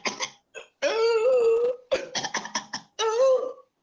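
A child's dry, harsh coughs with a prolonged, high-pitched noisy breath between them; dry cough with upper airway obstruction.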